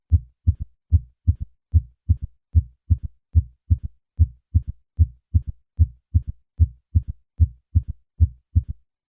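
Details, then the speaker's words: Third heart sound demonstration: low-pitched early diastolic sound shortly after S2, heard best at the cardiac apex with the stethoscope bell held lightly, patient in left lateral position; normal under 40, usually heart failure in older patients; S3. "in summary a third heart sound is a low pitched early diastolic sound heard best at the cardiac Apex using the bell of the stethoscope with the patient in the left lateral position"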